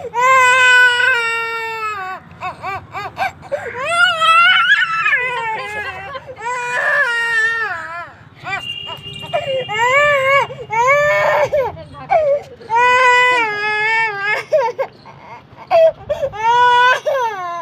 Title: बच्चे रोने मे सबकी नानी|बच्चे की रोने की आवाज|crying newborn baby child sound effect| child weeping